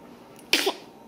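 One sharp, hissing burst after a quiet pause, a single sneeze against faint room noise.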